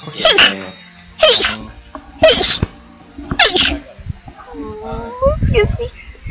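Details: Rapid sneezing compilation, with one speaker saying they are a little sick: four quick, forceful voiced 'achoo' sneezes in a row, then brief vocal sounds, over background music.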